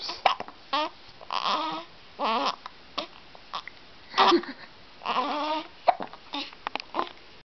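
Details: Baby boy with hiccups: short, broken infant fussing cries, interrupted by brief abrupt catches that fit hiccups.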